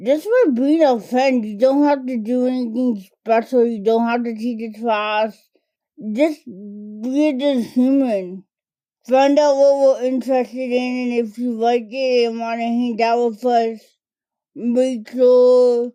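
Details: Adult woman diagnosed as a toddler with cerebral palsy, which primarily affects her speech and fine motor skills; dysarthria (cerebral palsy).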